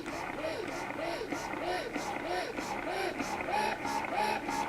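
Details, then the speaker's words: Medela Pump In Style Advanced double electric breast pump, both bottles connected, suction started: rhythmic whirring suction cycles about 90 a minute with rising and falling motor tone; electric breast pump suction. "So now the bottles are both connected, and I'm going to start the suction so you can see what it sounds like. If you hear that, that's what the suction power sounds like."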